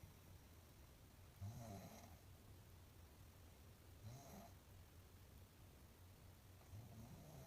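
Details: Soft, low rattling snores about every two and a half seconds, roughly 23 a minute, over steady background hiss.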